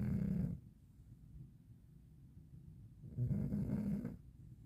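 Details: 12-year-old cat who snores because of rhinitis, sleeping on the floor: two loud, low, rattling snores separated by a quiet pause.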